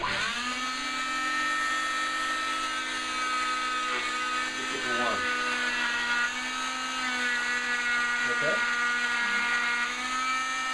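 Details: Steady high-pitched motor whine with small pitch dips as the blade bites: an oscillating cast saw cutting off a cast worn for 30 days.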